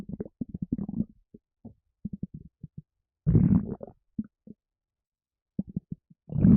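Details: Stomach rumbling while feeling a little gassy: low gurgling and bubbling pops in irregular clusters with a longer rumble midway; ordinary stomach rumbling.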